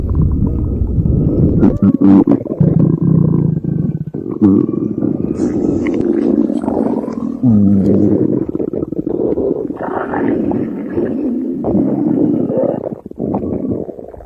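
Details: Loud, continuous low gurgling and rumbling from a person's empty stomach, ordinary hunger growling: borborygmi.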